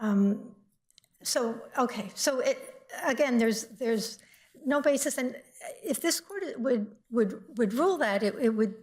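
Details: Adult woman speaking; Normal voice.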